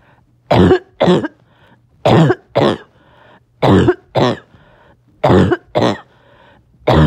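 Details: Barking cough occurring on and off all day: repeated paired harsh, hoarse coughs, about 38 a minute, croup-like barking quality.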